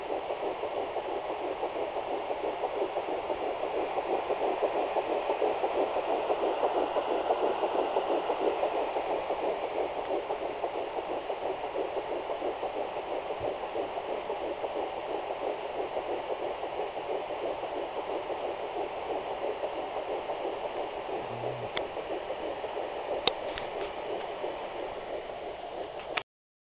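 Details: Rapid, regular whooshing pulses of an early fetal heartbeat at 8 weeks 4 days on a handheld Sonoline B fetal Doppler, about 180 per minute.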